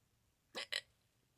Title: HICCUP FETISH / LOUD HICCUPS #NECKHICCUPS #HICCUPS #hiccupfetish